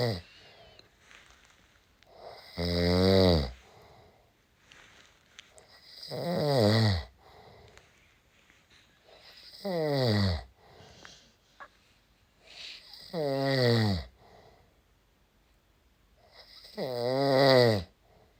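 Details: Five loud, rough inhaled snores in about 18 seconds (near 17 a minute), separated by quiet exhalations, from a husband; ordinary snoring.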